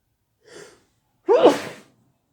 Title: wet sneezes